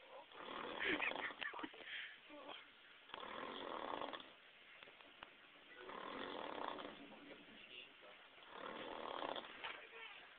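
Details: Heavy snoring from an adult man who passed out early after drinking: loud, rough, rattling snores about every 3 seconds on breathing in, with quieter breathing out between them.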